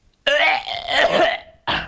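An imitated hawking cough: a long harsh rasping throat-clearing sound, then one short cough burst, with the hawking far more prominent than the cough.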